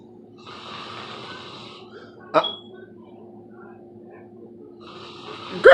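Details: Snoring in sleep after a night out: slow, rasping inhaled snores with a quiet pause between, a brief knock, and a steady hum in the room.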